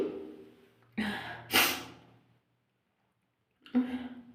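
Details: Person sneezing: sharp indrawn gasps build to a forceful, explosive sneeze, then a short pause and another breath in; strong sneeze.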